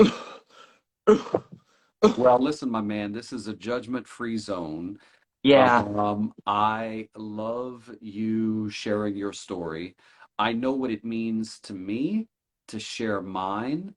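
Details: Adult male speaker; normal speech.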